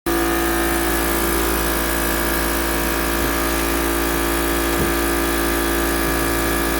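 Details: Steady, even motor hum with a droning tone, broken only by a couple of faint brief clicks: a mechanical insufflation-exsufflation cough assist machine running on a patient.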